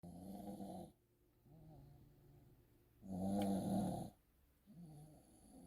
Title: 내 코골이 심해